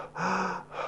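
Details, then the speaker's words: Severe upper airway obstruction in an animal patient, soft tissue surgery seminar: stridor on inspiration becoming higher-pitched, even whistling; laryngeal paralysis doubted; respiratory distress with gasping. "noise in severe cases means that when they're breathing inwardly not only do they have strider but now it's higher pitch"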